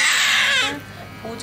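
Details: Newborn boy just after delivery, described as lying upside down in the womb: loud, high-pitched wail fading into quieter fussing; a vigorous normal birth cry.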